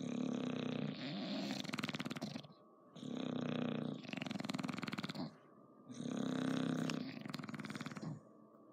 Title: Snoring bulldog